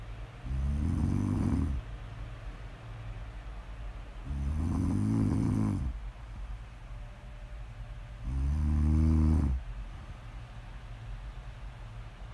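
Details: Snoring: three loud, low, rattling snores on the in-breath, about 15 breaths a minute, with quiet breathing between them.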